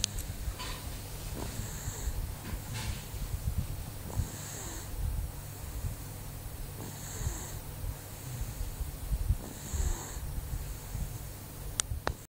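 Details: Low rumbling snores with snorting breaths, about five cycles over twelve seconds, under steady room noise; snoring during sleep.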